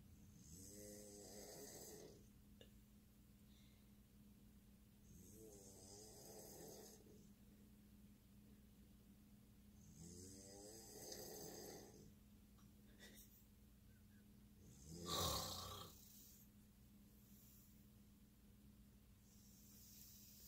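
Slow, rattling inhaled snores about every 4.5 seconds, roughly 13 a minute, over a steady low hum; ordinary snoring.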